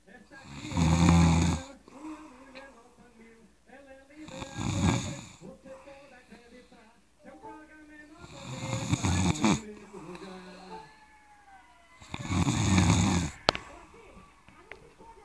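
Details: Loud, rough snores on each in-breath, about four in fifteen seconds, with quiet exhalations between; ordinary heavy snoring.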